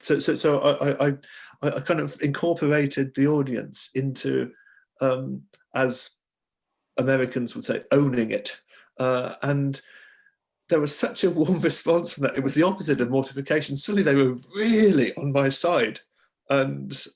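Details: Adult male author who stammers, mainly on s, hard c and k sounds, with blocks on words; stammering.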